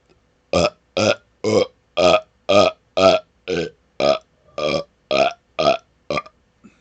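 About a dozen loud, voiced belches in quick, fairly even succession, roughly two a second, in a quiet room.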